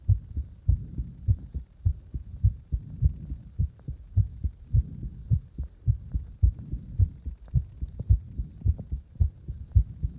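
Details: Person deliberately making their own heart speed up and slow down: steady low thumping heartbeats at about 107 per minute, pace shifting somewhat over the recording.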